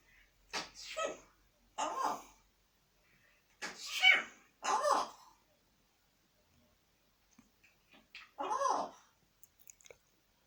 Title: Charlie B African Grey. Sneezing. So funny